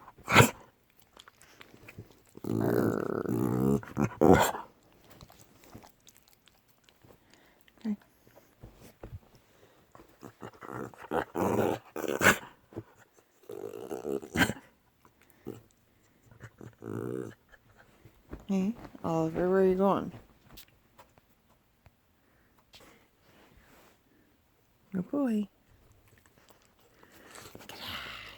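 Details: Dog (Oliver) in repeated harsh, noisy coughing-type spells when excited, unlike his usual excited sneezing; owner notes similar spells also occur at rest, not yet recorded.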